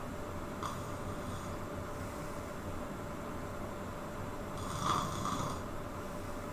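Two rattling snores over steady room hum, about four seconds apart; snoring during sleep.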